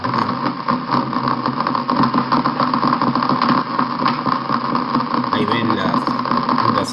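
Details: Fibrillation potentials and positive sharp waves.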